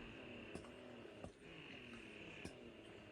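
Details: Two Zomee Fit wearable breast pumps run together, used two days after giving birth while exclusively breastfeeding: a faint steady motor whine with soft rhythmic clicks every second or so.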